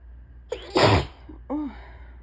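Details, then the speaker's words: Person with heavy allergies on a bad allergy day, after tickly buildups: a single forceful sneeze through mouth and nose with a brief voiced lead-in and an exclamation after. She attributes the sound to very swollen nasal passages. "whoa. That's the sound that it makes when it comes out of my mouth and my nose. If any of you guys can relate. That is the sound of too much air trying to make it through very swollen passageways."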